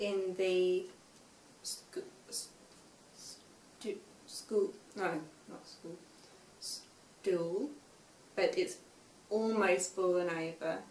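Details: Young woman, 5 years after a stroke at age 18, with aphasia affecting speech, reading and writing; some words remain hard to say; aphasia.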